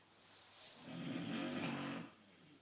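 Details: A man asleep: one rough, rumbling inhaled snore about a second long over quiet room noise; snoring.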